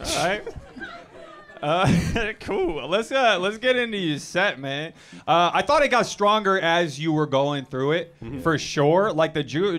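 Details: Adult man speaking; typical speech.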